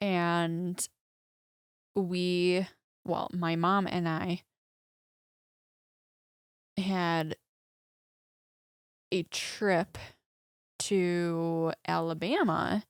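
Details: Aphasia in a young woman after a major stroke at age 14, 11 years earlier, mute for many months afterward, with right hemiparesis and vision impairment; speaking in podcast conversation.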